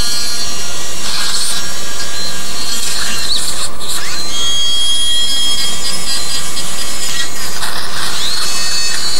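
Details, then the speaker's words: Loud, continuous high whine with squealing pitch shifts as a surgical drill with a normal conical burr grinds a bony irregularity of the nose during reduction rhinoplasty; surgical drill with conical burr. "There's some bony irregularity, so I'm going to take care of that deformity with a drill."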